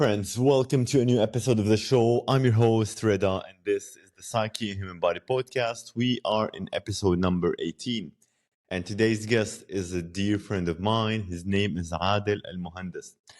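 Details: Adult man speaking; normal speech.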